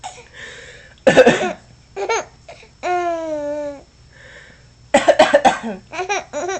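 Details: Adult's short coughing bursts alternating with an infant's high, drawn-out laughter and squeals; the infant seems amused by the cough.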